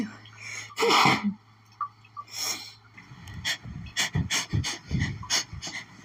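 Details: Rapid, intense, nonstop sneezing fit that began after sniffing lilies.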